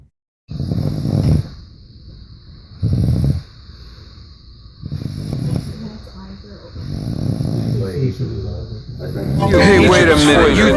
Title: Snoring In 4K